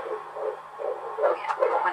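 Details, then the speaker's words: Fetal heartbeat on Doppler at 16 weeks of pregnancy: rapid, regular whooshing pulses in the 150s per minute, normal; clinician initially picked up two heartbeats. "150s. Good. Sounds good. Yay! Okay, so... Healthy baby."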